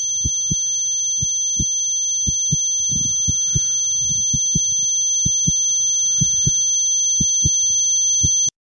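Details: Simulation of a person's own pulsatile tinnitus: steady high-pitched ringing tones with a faint hum and rhythmic paired thumps like a heartbeat.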